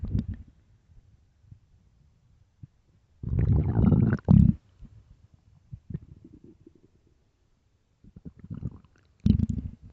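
Deep, irregular gurgling rumbles from the belly with quiet gaps between them: ordinary hunger growls from an empty stomach.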